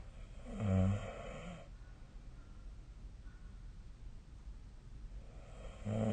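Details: Snoring during sleep, recorded with the SnoreLab snoring app on 2025/03/07: a deep, rumbling snore, then a quiet stretch and the next snore beginning over steady room hiss.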